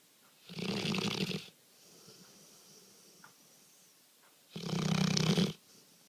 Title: My dog snoring like hell